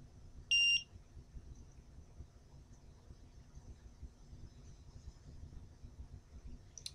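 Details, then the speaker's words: Battery-powered GemStar epidural infusion pump switched on: one short, high-pitched electronic beep during the power-on self-test, over quiet room noise. "first of all to get started you have to turn the machine on which is this white button located here it'll go through a self-test which takes a few moments"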